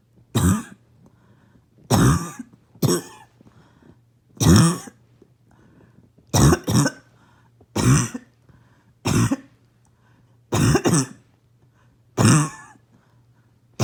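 About nine harsh, loud, barking coughs, some in quick doubles, with quiet pauses between: a barking cough.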